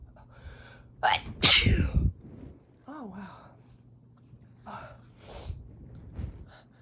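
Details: Loud explosive sneeze after a sharp intake, then softer breathy sounds and murmurs, part of a sneezing fit; the sneezer reports a tickly nose and watery eyes, and a cat is meowing in the background.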